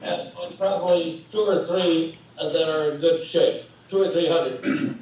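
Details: Adult man speaking; normal speech.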